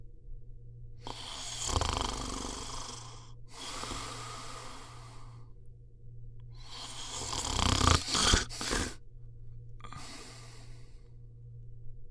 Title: صوت شخير Snoring sound